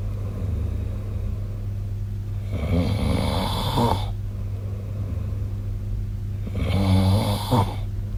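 Two rough, rattling snores about four seconds apart, each on the in-breath, over a steady low hum in the room.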